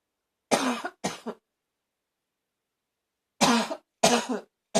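Two short bouts of harsh, hollow coughs, about five in all, separated by a silent pause; a barking cough.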